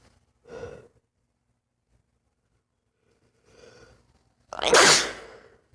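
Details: Two gasping in-breaths, then a loud, forceful sneeze, part of a paroxysmal sneezing bout. The person has had sudden 3–5 minute sneezing fits all their life and says they are not allergy-related and come without itch.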